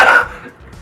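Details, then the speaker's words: A single short, rough cough with some mucus from an adult who is sick, suspects laryngitis, and reports an itchy throat. "we're both sick so I mean if we sound like mucus is just secreting from our trachea"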